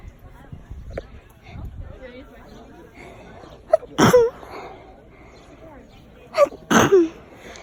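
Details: Person sneezing outdoors in a garden among flowers, self-provoked: two loud, sharp sneezes, each with a short inhaled lead-in, over quiet background.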